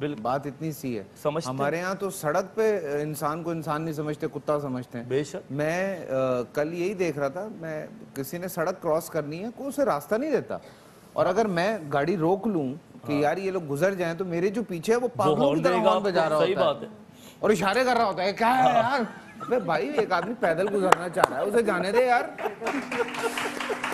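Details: Adult man speaking Hindi-Urdu; Fluent speech.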